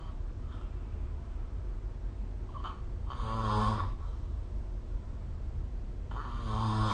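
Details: Rough, fluttering breaths during sleep over steady low background hiss, recorded with the SnoreLab app; typical snoring.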